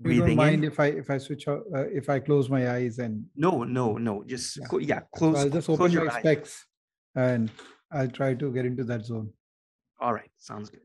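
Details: Adult man; normal speech.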